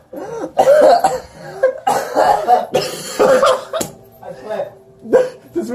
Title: War! A card game. Round 1 Part 2 The coughing fit (Short version)